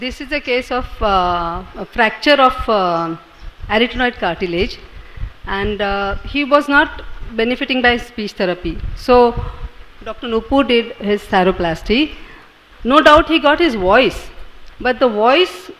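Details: Adult narrator; normal speech.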